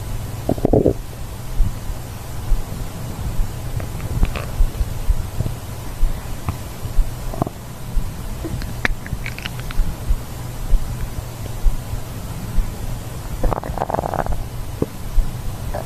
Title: asmr stomach growling, stomach growling asmr ~ 2023-11-28